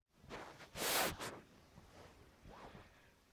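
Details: At the tail end of an allergy sneezing fit tonight, a sharp, hissing sneeze burst, then a quick intake of breath and a brief second puff. Allergy sneezing.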